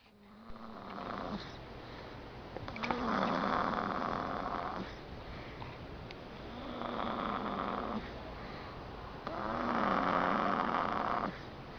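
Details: Snoring in sleep: four loud, rough snores on inhalation, about 20 a minute, with quiet exhalations between.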